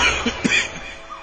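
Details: Cough in a cough syrup television advertisement, likely acted rather than a real patient.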